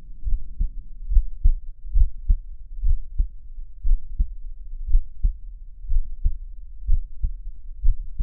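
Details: Chubby, hairy adult male listening to his own heartbeat for relaxation and ASMR: steady, low, muffled, close thudding in paired beats at about 70 a minute over a soft hum; heartbeat.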